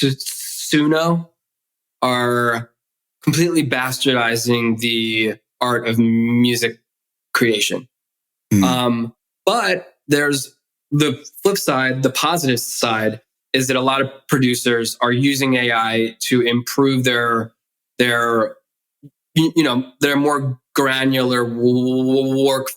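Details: Adult man who has stuttered since childhood, with the stutter audible in his speech; stuttering.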